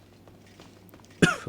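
A quiet room with faint low hum, then one sudden loud harsh cough burst near the end: a single adult cough.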